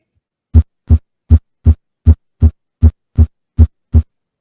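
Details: Simulated normal heart sounds from an app, as heard with the stethoscope at the apex, sixth intercostal space, midclavicular line: steady lub-dub at about 79 beats a minute with no extra sounds.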